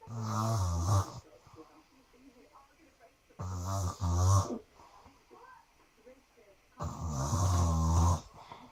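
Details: Heavy snoring at night, keeping someone awake: deep, loud, vibrating snores on breathing in, about three in nine seconds with quiet gaps between.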